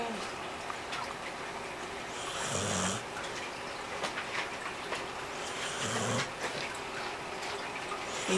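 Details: Snoring from a sleeper: two slow breaths about 3.5 seconds apart, each a low snort with a hissing rush of air, over steady room noise.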